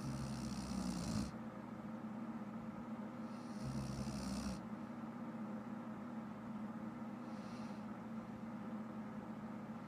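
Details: Two rough, rattling snores about two and a half seconds apart, then a faint third, over a steady background hum; snoring from a sleeping adult woman.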